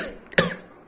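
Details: A single sharp acted cough from an adult, with a quieter tail, in a skit on a viral throat infection causing lingering cough; cough.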